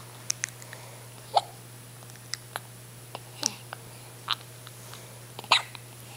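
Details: Several soft, brief click-like hiccups at irregular intervals over a steady low hum, recorded at 5:25 am. Hiccups.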